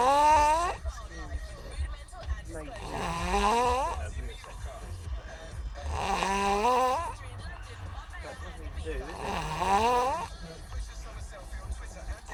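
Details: 4-year-old boy snoring loudly and rhythmically, about 19 breaths a minute, with rough fluttering on each breath and faint music behind.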